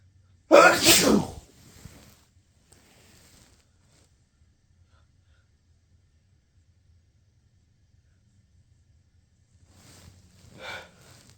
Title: huge pepper sneezes.